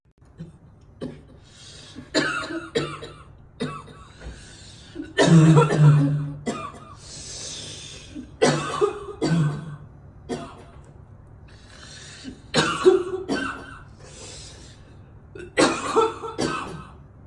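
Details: Young woman coughing repeatedly on camera, short harsh coughs in irregular bursts with brief pauses, as if choking.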